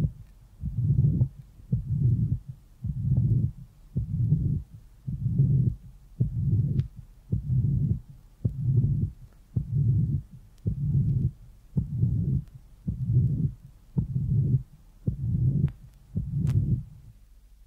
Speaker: now listen to The Long pulmonary ejection murmur of the girl with severe pulmonary stenosis the systolic murmur follows the Fairly loud first half sound and extends past the relatively softer A2